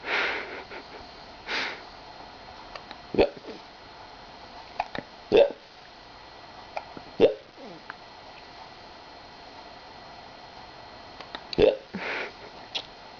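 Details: Hiccups in a person: brief, sharp catching sounds at irregular intervals, about five in thirteen seconds, in a quiet room.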